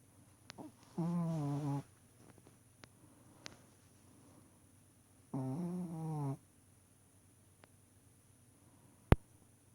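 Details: Sleeping puppy gives two slow, drawn-out tonal snores about four seconds apart in a quiet room, with a faint click near the end: snoring.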